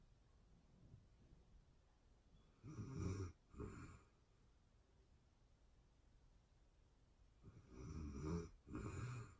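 Soft, low snores in paired bursts, each pair about six seconds apart, with a quiet room between. Gentle snoring during sleep.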